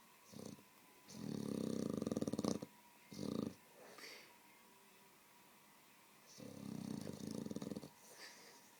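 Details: A Staffy dog snoring while asleep on a bed, with strong twitches during sleep: snoring.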